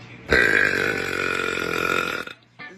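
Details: Female burper: a long, loud, voiced belch of about two seconds, then a brief second sound; ordinary burping.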